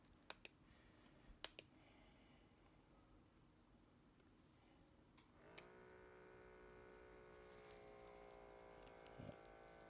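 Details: HYLOGY MD-H131 automatic upper-arm blood pressure monitor: button click and short beep, then steady pump motor whine inflating the arm cuff while the user stands, arm held up; this measurement ended in an error from arm movement.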